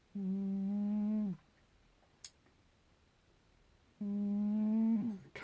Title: Cat snoring loud!!